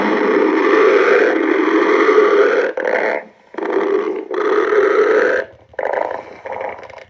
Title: stomach growling